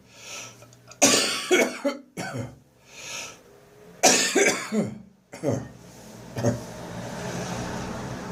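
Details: Adult with a persistent, recurring cough: harsh coughing bursts with retching and gagging sounds and noisy breaths in between. Cough with gagging.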